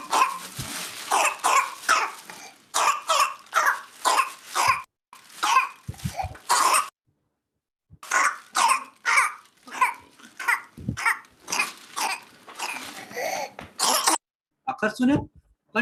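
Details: Child with two long rapid runs of about a dozen coughs each; paroxysmal coughing taught as whooping cough (pertussis), croup also discussed.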